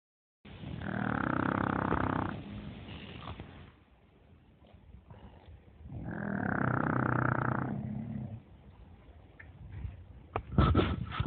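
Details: Bully-breed puppy sleeping, snoring so loudly it seems to try to break the windows: long, rough, rumbling breaths rising and falling in slow cycles; loud snoring.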